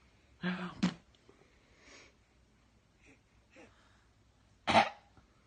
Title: Milo coughs September 2017